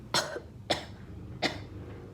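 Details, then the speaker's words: Three short, sharp cough bursts imitated by an adult, each a brief explosive noise followed by quiet, demonstrating 'I have a cough'. "You're coughing, right? You can say, I have a cough. I have a cough."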